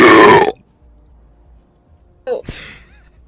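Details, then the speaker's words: Loud, deep belch, a pause, then a brief throaty sound in a quiet room while playing CS2; speaker apologizes for letting it out. Ordinary burping. "sorry about that I had to let that one out"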